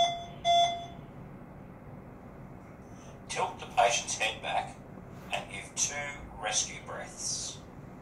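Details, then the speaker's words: Training AED in a cabinet: short electronic tone, then recorded voice prompts to insert the connector firmly, plug in pads, remove clothes from the patient's chest and place pads as shown; AED voice prompts. "plug enhance insert connector firmly plug in pads remove clothes from the patient's chest place pad exactly as shown in the picture"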